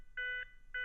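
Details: ZOLL Zenix hospital defibrillator/monitor, shown in instructional training on pediatric and neonate use, guiding CPR cycles with two-minute countdown timer: defibrillator CPR prompt tones.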